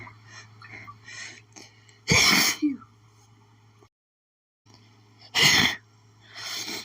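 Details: Desperate, itchy sneezing fit attributed to pollen: two loud, sharp sneezes a few seconds apart over quiet room noise, so strong they left the person doubling over.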